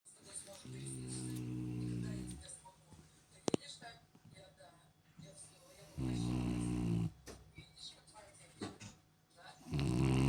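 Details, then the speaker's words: Snoring: three long, low, buzzing snores several seconds apart, with faint room noise between them. "мальчики не храпят >> мальчики не храбят мальчик хватит храпеть"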